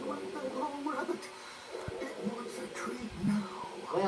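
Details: Yellow Labrador dog's stomach rumbling: low bubbling gurgles with rising and falling squelchy tones and short pops, borborygmi.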